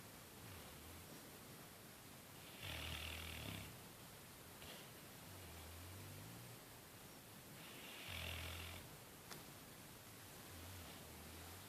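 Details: Low, rumbling breaths repeat every few seconds beneath a steady hiss, recorded 08/01/2013; snoring.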